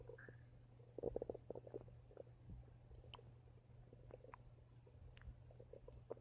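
Soft, irregular gurgles and bubbling rumbles over a low steady hum; ordinary stomach rumbling.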